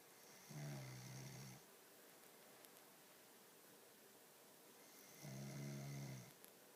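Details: Snoring: two low, buzzing snores about five seconds apart, each lasting about a second, in a quiet room; ordinary snoring.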